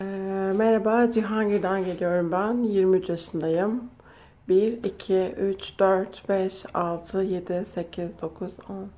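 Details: Male-to-female transgender patient about 5–6 months after Wendler glottoplasty voice feminization surgery, reported very satisfied; feminized voice after glottoplasty.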